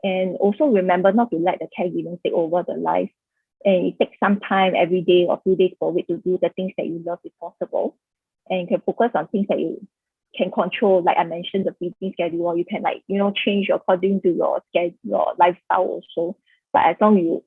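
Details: Adult speaker; ordinary speech.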